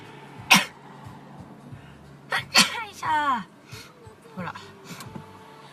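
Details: Japanese young woman sneezing: several short, high sneezes mixed with brief voices, background music and faint background sound; ordinary sneezing.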